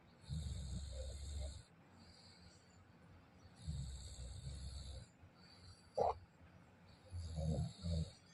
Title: My Father snoring/ குறட்டை 😂😂